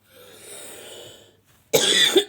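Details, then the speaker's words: A soft breath, a brief pause, then one loud, harsh, explosive cough from an adult woman who attributes her cough to working in strong wind in the garden that day: cough. "И сегодня я работала на огороде у нас был сильный ветер получается меня видать подула У меня кашель"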